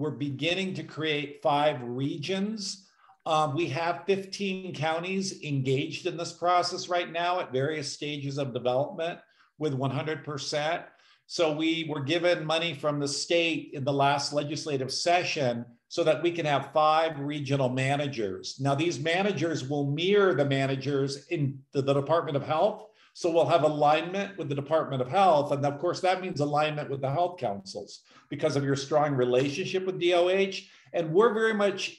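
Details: Adult man speaking; normal speech.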